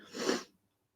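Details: Sneeze.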